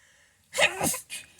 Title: Sneezing attack and nose blowing!